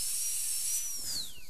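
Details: High-pitched whine with spray hiss, pitch dropping as the bur meets material, trimming the buccal margin of the temporary crown for an all-ceramic crown on a lower right second molar, tooth 31; dental drill.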